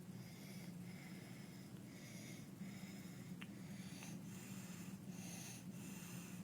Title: barking cough and stridor in croup